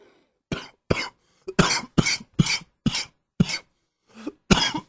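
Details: A run of about nine short, forceful, harsh coughs in quick succession as a cold sets in; repetitive cough.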